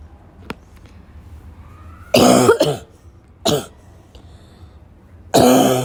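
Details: Afternoon coughing fit, tagged as a coughing girl with a barking cough, that started weak and grew violent: three loud, harsh, forceful coughs, the first a double burst, over quiet room noise.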